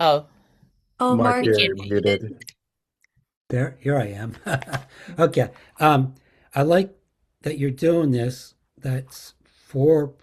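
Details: Post-stroke aphasia with word-finding difficulty in an adult woman, describing an object during a word-finding game in an aphasia conversation group.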